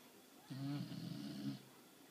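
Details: Snoring in a sleeping dog: a single low, rattling snore lasting about a second, with a buzzy vibrating tone in a quiet room.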